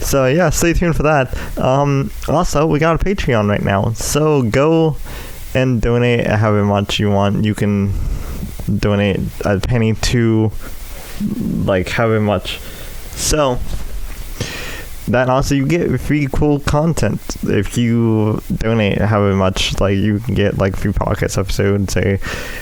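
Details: Dysarthric speech in an adult male with cerebral palsy affecting the right side of his body, especially his right arm and leg, which he says causes his speech impediment.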